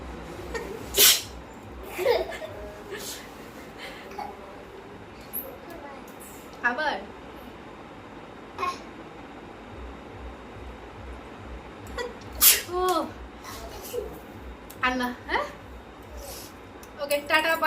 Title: Most requested video.. sneezing 🤧 challenge.. sneezing video